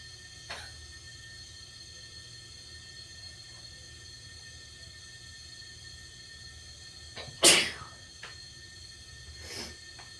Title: felt like sneezing